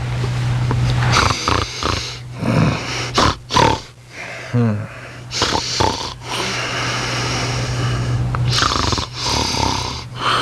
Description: This Rat Terrier dog Snoring and it sounds just like a person.